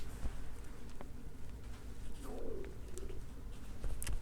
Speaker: Sorry if you can hear my stomach growling. It's early in the morning. I haven't eaten anything yet. Just had coffee.